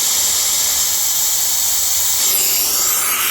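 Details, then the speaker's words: Dental high-volume evacuator without relief hole held over a tooth prep for about 5 seconds to thin sprayed bond material; steady loud airy suction hiss. "Now notice I use one that doesn't have the relief hole in it, and all you have to do is turn it on and place it over the prep for about 5 seconds,"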